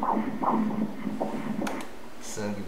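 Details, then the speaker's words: Fetal heartbeat on Doppler ultrasound at 19 weeks of pregnancy, rate 153 beats per minute. "Regarde le coeur qui bat là-bas - écoutons le coeur Comme il bat beau, hein ?"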